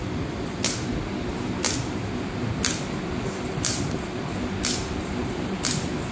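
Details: Radial shockwave therapy handpiece demonstrated on muscle spasm, on muscle and kept off bony prominences; sharp percussive clicks about once a second (60 a minute) over steady room hum.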